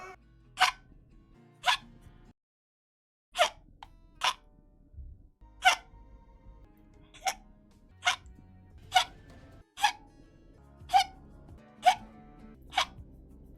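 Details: Hiccups from a VTuber, a minute-long compilation: short, abrupt bursts, about 65 a minute and somewhat irregular, over faint background noise.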